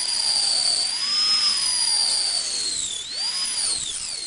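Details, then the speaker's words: High-speed dental handpiece: a high-pitched whine that dips and rises in pitch. A round high-speed diamond bur, held perpendicular to the tooth's long axis, starts access cavity preparation on maxillary anterior teeth for root canal treatment, entering enamel. "You are starting your axis cavity preparation with a round highspeed diamond bar held perpendicular to the long axis of the tooth."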